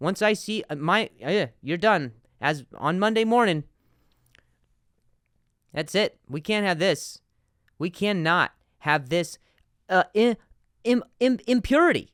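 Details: Adult male podcast host who stutters, repeating a word many times: stuttering.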